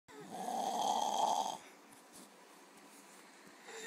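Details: Brother found asleep, said never to snore: a single loud, buzzing snore lasting about a second and a half, then quiet breathing; ordinary snoring.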